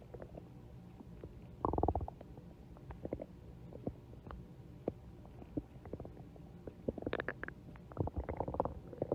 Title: stomach growling (for @Amandaforbuddies2 )